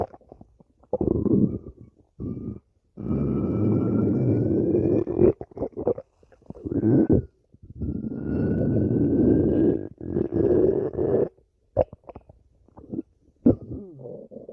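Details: Stomach growling: long rumbling, groaning gurgles in bursts with rising squeaky tones, from gas and fluid moving through the gut.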